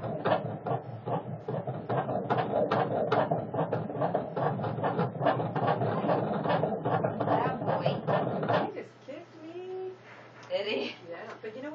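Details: Fetal heartbeat during a 4D ultrasound of a baby boy: rapid, regular whooshing pulses at about 145 a minute, a heart rate described as great, followed by quiet talk.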